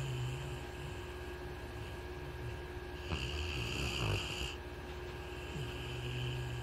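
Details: Soft, low snoring breath sounds with a fluttering rattle over a steady background hum; snoring.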